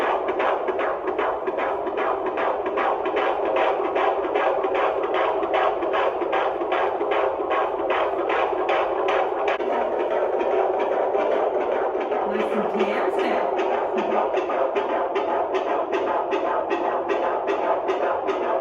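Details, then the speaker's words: Fetal heartbeat on handheld Doppler at a first UK midwife appointment in the second trimester: rapid, regular whooshing pulses at roughly 150 a minute. The midwife says a rate above 110 is desired. "good so we like to um like when we count David's heartbeat we like it's between 110."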